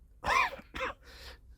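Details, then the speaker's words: An adult gives two or three short, harsh coughs about two weeks after a COVID infection. They still feel phlegm or infection in the chest, smoke triggers coughing, and their voice was recently hoarse. "تازه هنوز اون خلطه و یا اون عفونته توی این قسمت هست احساس میکنم یه دود یه چیزی که میاد سمت من من سرفه می کنم خب این هنوز خوب نشدم"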